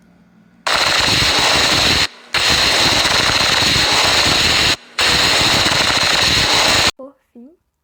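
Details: Pleural friction rub in a condition whose main symptom is breathing-dependent chest pain: loud, harsh, grating rasping in three long bursts separated by brief pauses, following the breathing phases.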